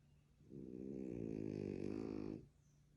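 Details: Loud, long, rattling, buzzing snore from a sleeping French Bulldog (flat-faced breed), possibly dreaming; snoring.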